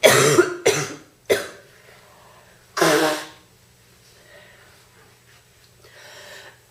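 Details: Real coughing fit in a girl with a bad cold: three harsh, forceful, deep coughs in quick succession, then one more loud cough, followed by breathing.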